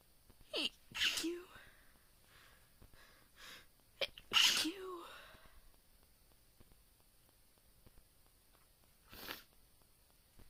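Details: Induced sneezing: several sharp, explosive sneezes, each preceded by an inhaled gasp, in a quiet room.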